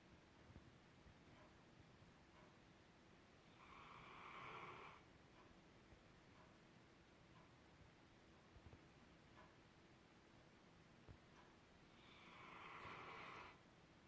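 Two drawn-out rough snores about eight seconds apart over quiet, faint room hum; ordinary snoring from a sleeping dog.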